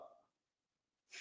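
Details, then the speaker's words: A single sneeze during a live football discussion stream; the speaker apologizes for sneezing right afterward. "but anyway I had to sneeze man my bad"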